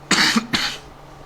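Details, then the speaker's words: Repeated coughing from a speaker who says they are still sick and have coughed a lot during this recording. "Sheesh, bro, I've coughed so much in this recording. Not good. I literally didn't cough for like hours before this."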